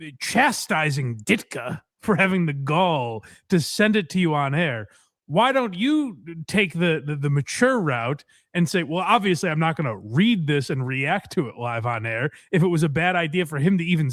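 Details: Adult speaker; ordinary speech.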